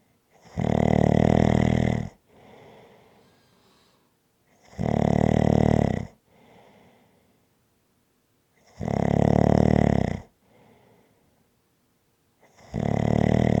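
Loud, rattling snores on each in-breath, about 15 a minute, with quiet out-breaths between them; ordinary snoring.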